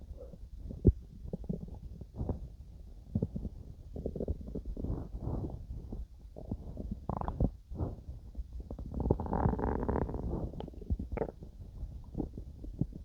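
Soft, low gurgles and rumbles from the belly during digestion, ordinary bowel sounds.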